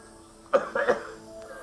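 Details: Real ambulance call: 55-year-old man with sudden-onset difficulty breathing, chest and upper back pain, coughing up blood after a coughing fit, and a long-standing cough; two or three short, harsh coughs over soft background music.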